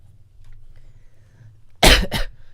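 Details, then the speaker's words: Adult with a chronic cough that rises and falls through the day depending on meals, not a new illness: two short, harsh coughs in quick succession in a quiet room. "my cough is i don't normally stream at this time and like my cough kind of rises and falls throughout the day depending on when i've eaten and stuff i've got a chronic cough don't worry i'm not like sick in a new or surprising way"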